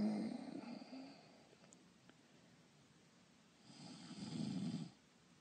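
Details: Simulated snoring, an acted voice-over for a cartoon: two drawn-out, rumbling snore sounds with a quiet pause between.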